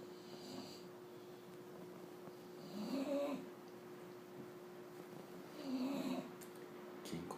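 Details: Two soft rumbling snores on the in-breath, several seconds apart, over a steady background hum, from a sleeping Bulldog dog; snoring.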